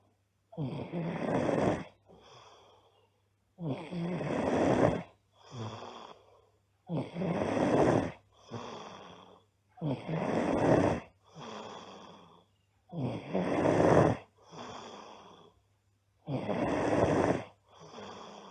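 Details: Loud snoring from a girl: rattling snores on each in-breath, softer out-breaths, about 6 cycles in 18 seconds, roughly 19 breaths a minute.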